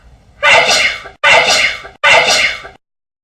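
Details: Pig sneezing: three loud, explosive sneezes in quick succession, each a sharp burst that fades away.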